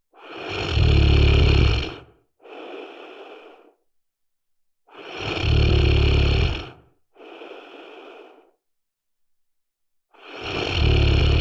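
Loud, rattling inhalation snores, each followed by a quieter airy exhalation. The breathing cycle repeats about every 4.5 seconds, roughly 13 breaths a minute.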